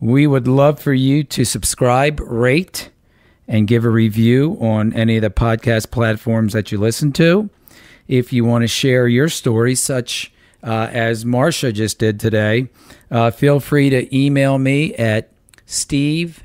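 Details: Adult male speaker; typical speech.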